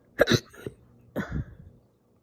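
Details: Hiccups after eating cereal very fast: two short abrupt throat-catching sounds about a second apart; hiccups.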